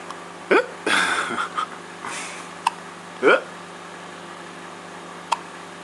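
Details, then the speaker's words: Hiccups: two abrupt voiced hiccups about three seconds apart, with brief voice sounds and room hum; hiccups. "how many hiccups can you do in one minute hiccups and again yep how'd you get rid of them oh boy get rid of these hiccups"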